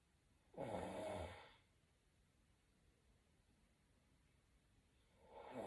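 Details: Snoring from a sleeping animal with a fluffy nose: a loud, rattling snore on one breath, then about four seconds of quiet before the next snore.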